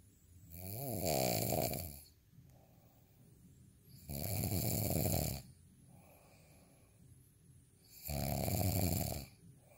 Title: snoring asmr sound 10